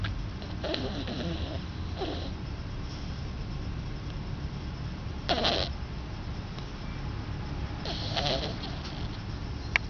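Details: Soft snorting snores every few seconds over room noise from a sleeping animal with whites of eyes showing and mouth making suckling movements while dreaming.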